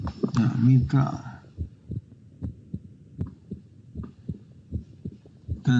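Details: Heart sounds played in DXR Clinician simulation software, with congestive heart failure (CHF) mentioned: after brief talk, soft repeated low heart thumps in paired beats at the mitral (bicuspid) area.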